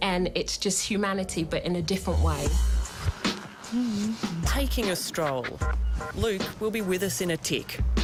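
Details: Adult narrator; typical speech.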